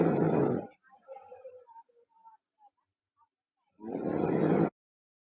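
Two loud, harsh rattling snores on breaths in, with faint noises between; loud snoring.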